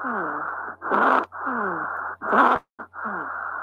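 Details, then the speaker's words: Stridor from upper airway obstruction, such as a foreign body lodged in the larynx: loud, harsh, high-pitched noisy breaths with musical tones, repeating in cycles, sounding like choking. "É como se alguém tivesse alguma coisa sufocando já apareceu porque ele tem um corpo e trem que o walle e fica ali na laringe ali obstruída de por exemplo né"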